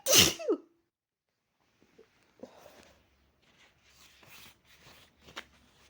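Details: One loud, forceful sneeze, then quiet sniffling and breathing, from a person with a cold and a very sore throat; a violent cold sneeze.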